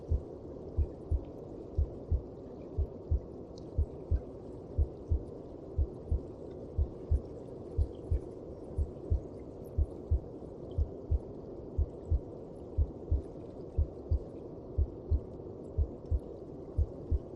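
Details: Heartbeat heard inside the mother's belly (womb): regular muffled low thumps, about 60 a minute, over a steady whooshing rumble.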